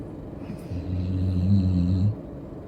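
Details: Pet snoring: one low, rumbling, buzzing snore about a second and a half long, with quiet breathing before and after.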